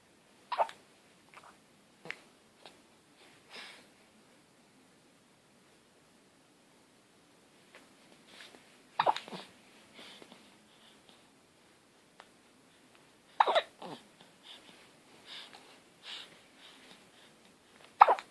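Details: Baby boy with hiccups: short, sharp, irregular catches in the breath, about five clear ones with softer sounds between, in a quiet room.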